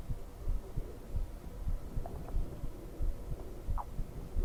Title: Heartbeat sounds for relaxation